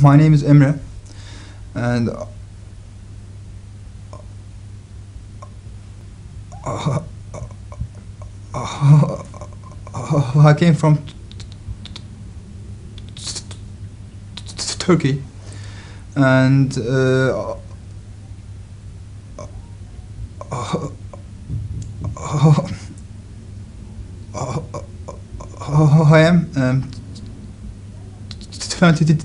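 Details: 23-year-old woman with stuttering, apparently before a stuttering training program, showing long silent or struggled blocks between words; stuttering.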